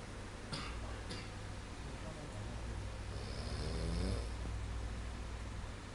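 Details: Snoring: a low rumbling snore over a steady hum, with a louder fluttering snore near the end.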